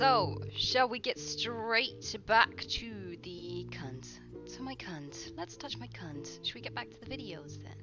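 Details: Vocal tics with coprolalia in a female streamer with Tourette syndrome, speaking while reacting to videos.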